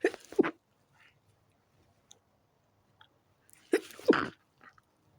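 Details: Two pairs of quick sneezes a few seconds apart in a quiet room, from a person in bed trying to sleep early whose fit began after turning onto the other side; sneezing fit.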